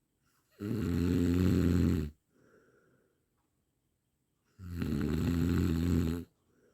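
Two long, droning snores on inhalation about four seconds apart, with soft breaths out between; snoring.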